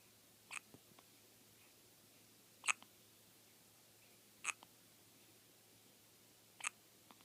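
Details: Baby girl hiccuping before sleep: four soft, sharp hiccups about two seconds apart in a quiet room; ordinary infant hiccups.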